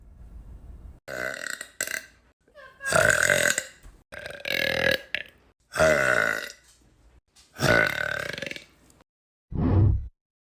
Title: tiktok burping series part 4